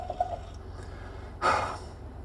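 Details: Vocal tic in a woman with Tourette syndrome whose tics began at age 3.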